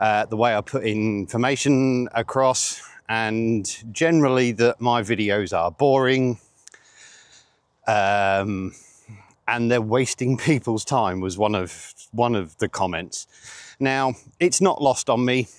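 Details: 47-year-old man with stuttering (stammering) since age eight, which he rates as milder than many people's and says worsens under pressure.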